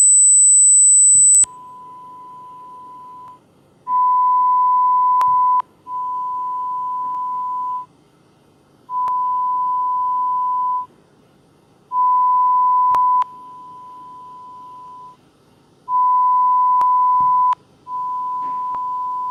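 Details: Korean hearing-test mobile app: a brief high beep, then steady pure tones at one pitch switching on and off at varying loudness; pure-tone audiometry test tones.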